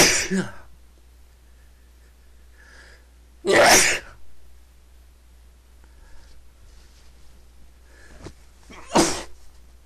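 Three sharp, explosive sneezes a few seconds apart, separated by quiet breathing.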